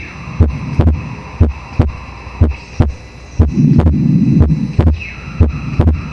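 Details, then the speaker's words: Wide splitting of the second heart sound on a simulation model, pulmonary area, about 60 a minute: split in both inspiration and expiration, which is pathological, and more split on inspiration. "Desdoblamiento amplio del segundo ruido cardíaco. Desdoblamiento amplio del segundo ruido cardíaco. Aquí, ¿qué va a pasar? Se desdobla el ruido tanto en inspiración como expiración, que eso ya es patológico, eso no es normal que pase en inspiración y en expiración."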